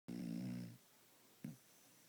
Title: Doggie snores something fierce